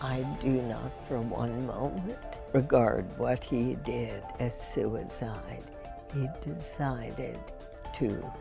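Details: Real speech from a woman with spasmodic dysphonia, first diagnosed in 1998 and treated every four months with botulinum toxin injections into the vocal cords; finding: spasmodic dysphonia.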